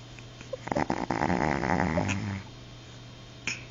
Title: Snoring Chihuahua